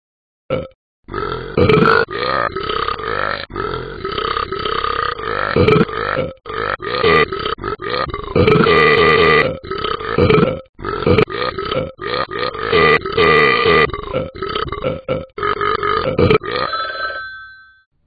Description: Burp burp burp Ben is gassy